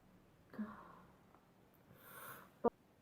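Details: Sneezing compilation: breathy intake and exhale followed by one short sharp sneeze; an ordinary sneeze.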